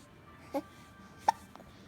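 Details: Female who got hiccups from laughing too hard: two sharp, abrupt voiced hiccups, then a fainter third, over quiet room noise; hiccups.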